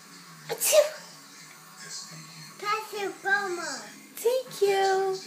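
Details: A young child gives one short, sharp sneeze, followed by a few seconds of a caregiver's voice saying "bless you" in a small room.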